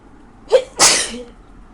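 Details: Person with a bad cold at 3 a.m.: a sharp intake of breath, then one loud, explosive sneeze, then quiet.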